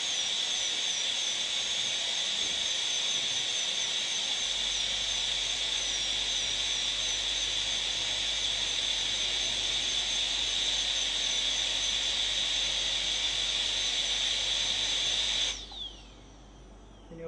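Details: A high-speed dental handpiece gives a continuous high-pitched whine with hiss while cutting tooth during a molar crown preparation for a PFM crown, then stops abruptly near the end.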